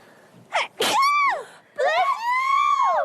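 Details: Sneeze from a BLACKPINK member: a quick in-breath and a sharp burst, followed by drawn-out, high-pitched vocal reaction sounds.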